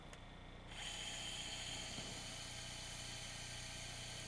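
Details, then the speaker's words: Steady high-pitched motor whine after a brief quiet moment: a 2.4 mm cannulated surgical drill boring a meniscal root repair tunnel through the tibia, angled about 70 degrees to avoid the ACL tibial tunnel. "so one of the pearls to this system this is a 2.4 mm uh drill in the middle of it there's an operator so when you drill through the the tibia what happens is a piece of bone may get stuck in the end of the canulated part of the drill"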